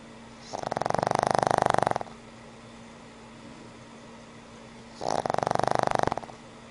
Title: Cute Snoring Pug